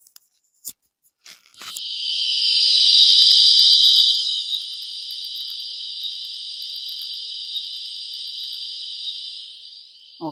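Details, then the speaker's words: Simulated tinnitus heard as television or radio interference: a sustained high-pitched static hiss. "Esta es una interferencia de televisión cuando me hablan y me dicen es que doctora siento como un radio a la mitad o una tele a la mitad"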